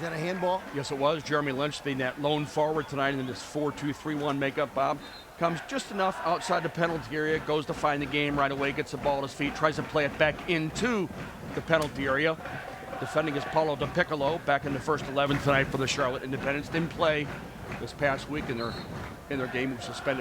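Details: Adult male sports commentator; normal fluent speech.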